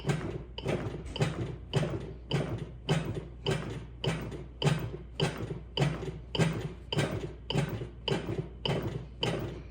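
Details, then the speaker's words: Regular clicking beats at about 103 per minute from a Lifepak CR2 AED in adult mode, shown in a demo, pacing chest compressions after a shock is delivered, with voice prompts on hand position and compression depth; AED CPR metronome. "Provide chest compressions to the beat. The heel of one hand should be in center of chest."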